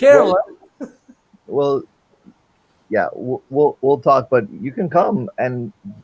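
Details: Male with non-fluent aphasia since a stroke during heart valve surgery in 2007, initially able to produce only two single words; non-fluent aphasia (post-stroke).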